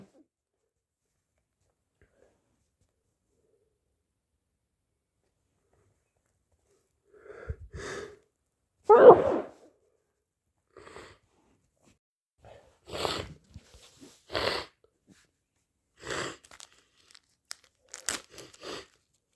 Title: cold sneezes and blows part II